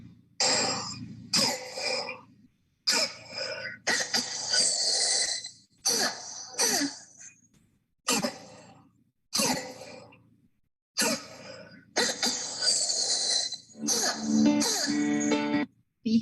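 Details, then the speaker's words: Child with croup (laryngitis, as heard in an emergency setting): repeated harsh barking coughs with high-pitched crowing inspiratory stridor between them, worsening on inspiration; croup barking cough with inspiratory stridor. "esto sí me gustaría que escuchen porque es así asimismo se escucha la laringitis en una urgencia pero ni más ni menos"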